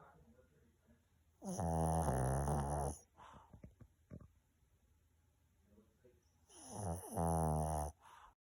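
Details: Dog sleeping deeply after a big meal, snoring: two loud, rattling breaths in about five seconds apart with quiet breathing out between.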